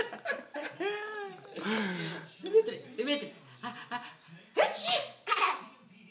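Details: Playful voiced sounds and laughter, then two sharp, breathy, sneeze-like bursts: an imitated, fake sneeze rather than a real one.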